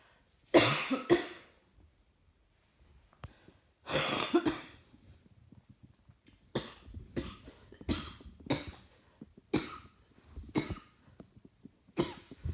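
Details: Coughing while trying to work, feeling rather hot: two longer harsh coughs, then about seven short, sharp single coughs in a quiet room; repeated dry-sounding coughing.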